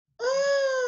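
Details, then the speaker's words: Brief high-pitched crowing tone demonstrating stridor, noisy breathing on inspiration and expiration from upper airway obstruction, heard at the base of the throat; an emergency. "you may hear something called strider strider is a crowing sound that is with inspiration and expiration"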